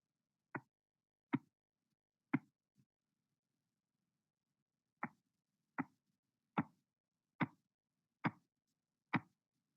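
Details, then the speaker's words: Auscultatory gap during a cuff blood pressure reading: sharp Korotkoff taps from a systolic of 162 mmHg, then silence for about 4 mmHg, then taps resume at about 70 a minute; the gap can cause underestimation of systolic pressure. "In the following example, the systolic blood pressure will be heard at 162 millimeters of mercury, followed by an absence of sounds for 4 mm of mercury, after which they will reappear."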